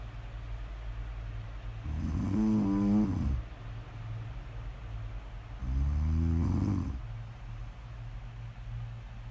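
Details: Loud, rough, vibrating snores on breaths roughly every four seconds over steady room hum; typical snoring during sleep.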